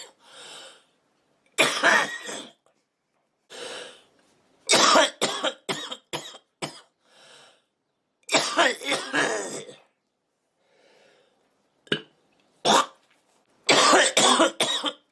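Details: Adult woman coughing while smoking: repeated harsh coughing in clusters with quiet breaths and inhalations between bouts.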